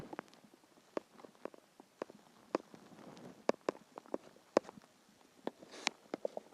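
Irregular bubbling, gurgling and popping bowel sounds with short rumbles; ordinary hunger-related stomach growling.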